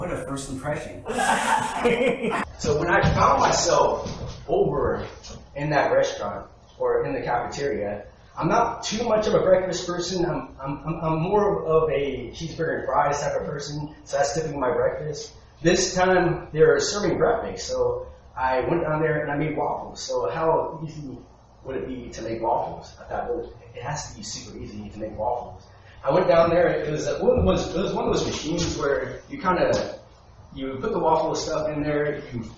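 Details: Real stuttering in an adult man, recorded during a public speech sometime between 2013 and 2019.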